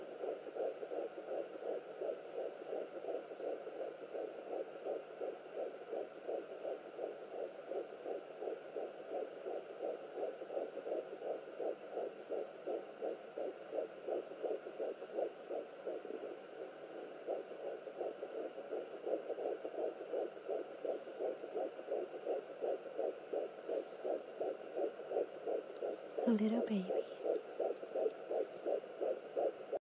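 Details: Fetal heartbeat at 11 weeks pregnant on a Sonoline B fetal Doppler: rapid, regular whooshing pulses, about 170 beats a minute.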